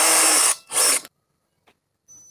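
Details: Two short high-pitched whirring drill bursts, then quiet; a surgical power drill drilling into bone for screw holes during minimally invasive plate osteosynthesis of a distal fibula fracture.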